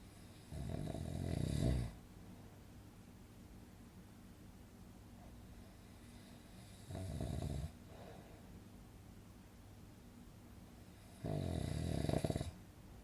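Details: Relaxing snoring sound-effect recording for sleep: three loud, rough, low rattling inspiratory snores, about 11 a minute, with quiet between; snoring.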